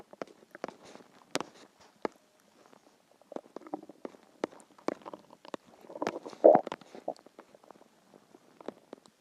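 Irregular gurgles, pops and short rumbles from the belly; ordinary hunger-related stomach growling.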